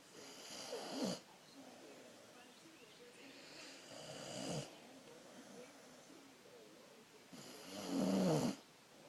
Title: Sweet snoring!